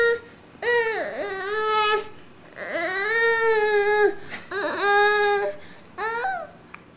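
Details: Six-month-old girl, very tired after a morning of tummy crawling and minutes from falling asleep: four high-pitched, wavering cry bursts separated by brief breaths in a small room; ordinary fussy infant cry.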